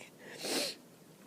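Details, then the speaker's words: Sneezing after running out of antihistamines, with watering eyes, runny nose and voice starting to go: a single sneeze, a short indrawn breath then a sharp hissing burst, consistent with allergic rhinitis. "Oh, my eyes are watering. I'm so tired of sneezing."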